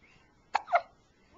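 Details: 3-day-old baby's first hiccups, recorded on a Flip Video camcorder: a single short, sharp hiccup with a soft trailing voiced sound, in a quiet room.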